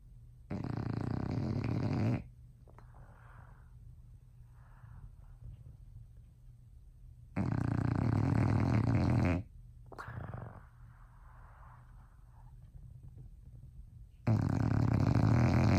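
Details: Female bulldog sleeping in her owners' bed at night, snoring loudly: rough, rattling snores in long bursts of about two seconds each, separated by quieter breathing; flat-faced dog snoring in sleep.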